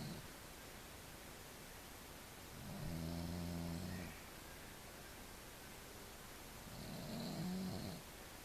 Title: snoring, at beautiful Pine Point, Lake Cowichan, BC